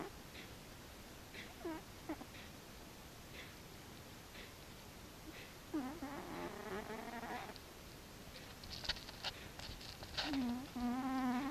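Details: Cat snoring with soft, rhythmic puffing breaths, then louder whistling, squeaky tones on some breaths.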